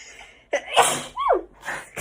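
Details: A sharp inhaled catch, then a forceful sneeze burst and a trailing vocal sound, from a girl right after a COVID-19 nasal swab test; a reflex sneeze from nasal irritation.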